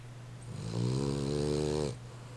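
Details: Snoring of an animal ("the critter's snore"): a single drawn-out, buzzing snore of a little over a second over steady room hum; ordinary snoring.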